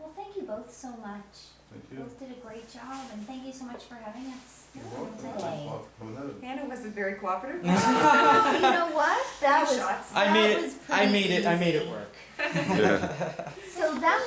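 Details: Adult speakers in conversation; normal speech.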